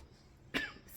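A single short, sharp cough from an adult woman in a quiet room, with a brief fading tail; a plain isolated cough.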